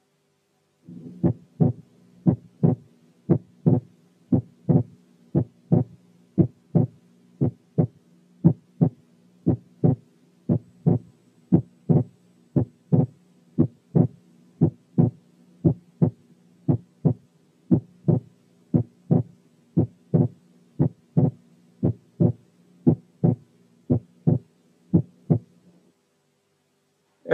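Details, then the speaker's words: Normal inspiratory splitting of the second heart sound, a quiz case: regular heartbeat near 58 a minute, the second sound splitting on inspiration and becoming single on expiration. "الحالة الثالثة كانت normal inspiratory splitting of the second heart sound in a"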